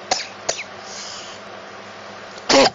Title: I got a cold again cough* yap I'm sick